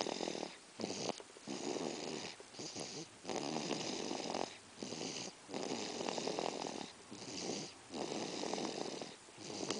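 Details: Snoring: fast, noisy, harsh, airy rasping breaths in and out with short pauses between, roughly 40 a minute.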